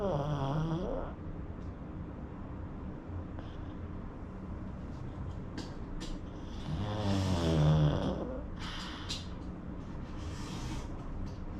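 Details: Rattling, snorting snores with quieter breathing between them from a sleeping pug, a flat-faced dog breed; snoring.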